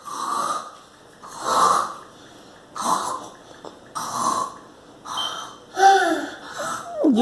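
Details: Grandson imitating how his grandmother snores while asleep, with repeated rough, noisy breaths in and out, some ending in squeaky whistling tones; imitated snoring.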